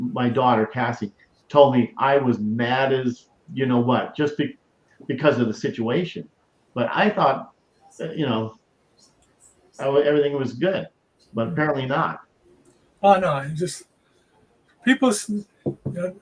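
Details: Stroke survivor with aphasia, improved a great deal over years since starting to host a stroke-awareness show, but still mumbles and forgets things; aphasia.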